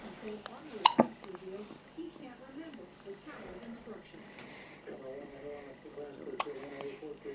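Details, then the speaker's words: 7-day-old infant hiccups: soft fussing and coos broken by a couple of sharp, abrupt catches; adult voice faintly in the room. "Little hiccup monster. Oh."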